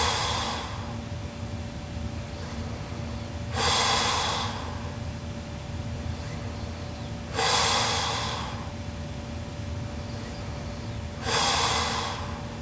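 Loud, harsh snoring breaths about every four seconds, around 16 a minute, with a steady hum in the room.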